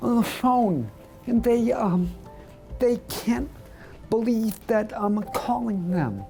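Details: Adult male radio correspondent who lost his voice about two years earlier to segmental dystonia of the larynx, pharynx, tongue and lips, treated with Botox injections in the tongue; segmental dystonia affecting speech (laryngeal and oromandibular).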